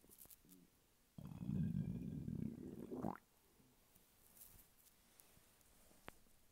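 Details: Hunger stomach rumbling from a man lying flat on his bed: a two-second low gurgling rumble rising in pitch at its end; borborygmi.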